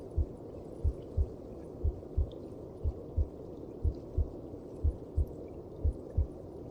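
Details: Heartbeat heard inside the mother's belly (womb): regular, muffled low paired thumps, about 60 a minute, under a steady whooshing hum; a normal heartbeat.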